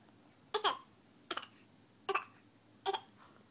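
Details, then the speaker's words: A young boy gives four short, light, deliberate pretend coughs: voluntary fake cough, not illness. "little fake coughing here's such a faker"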